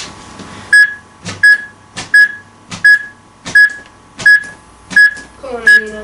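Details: Simulated rescue on a manikin by two twelve-year-olds with a HeartSine AED: after a shock is delivered, regular steady beeps at about 85 per minute with compression thumps between them, as the device's pacing tones guide chest compressions.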